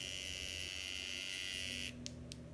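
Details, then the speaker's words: Microneedling pen run over the person's own numbed facial skin, which reddens as it goes; steady high-pitched electric buzzing, stopping with a couple of faint clicks. "So now I'm going to grab the machine, and then I'm going to turn it on. And that's what it sounds like, okay? So it just goes on the skin, and you'll see that it starts to become more red the more that I keep going."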